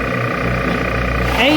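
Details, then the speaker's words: Steady motor hum with a rising whine near the end from a rechargeable lithium-battery portable phlegm suction machine (25 L/min) during a factory pressure test, reaching 85 kPa. "We have all these machines tested for our customers. You can see this one. Now we start to test the pressure."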